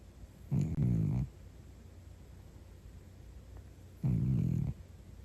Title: Cat Deep Snores